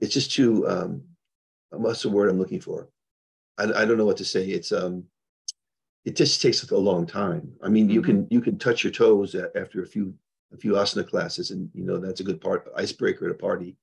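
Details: Adult man with Parkinson's disease diagnosed 21 years ago and progressing; he reports stuttering a little, losing words, poor balance, anxiety, depression and memory problems; finding: neurogenic stuttering.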